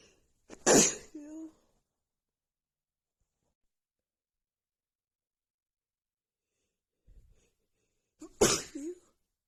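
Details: Woman sneezing during a really bad, stuffy head cold: two separate sneezes several seconds apart, each a sharp burst with a brief voiced tail, in a quiet room.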